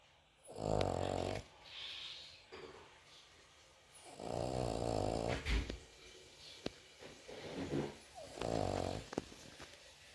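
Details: Sleeping Cavalier King Charles Spaniel snoring like a human: loud, deep, rattling snores, three breaths in ten seconds, with quieter breathing between.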